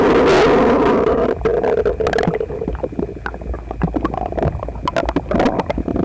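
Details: Male, visibly uncomfortable, stomach slightly upset the night before, after a breakfast of toast, eggs and milk; phone pressed against belly: loud, prolonged growling and gurgling with rapid bubbling pops; borborygmi.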